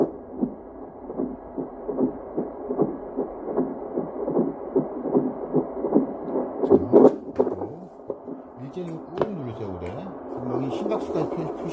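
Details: Fetal heartbeat on a Toitu FD-300 fetal Doppler: rapid, rhythmic whooshing pulses at about 150 beats a minute, fitting a normal fetal heartbeat.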